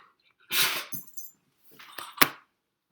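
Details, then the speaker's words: Dog sneezes in a small quiet room: sharp, hissing bursts of air through the nose. "my dog sneezing if you could hear that"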